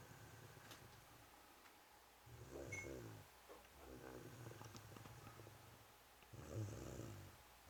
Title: Snoring Cat